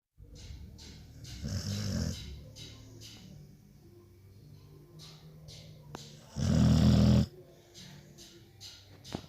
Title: Pitbull amstaff snoring